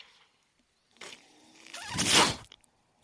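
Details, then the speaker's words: The speaker's own mechanical ventilator, heard while he talks: a brief mechanical whoosh of air rising to a loud hiss, then stopping abruptly as the ventilator delivers a breath. "My name is. That noise you're hearing is my ventilator."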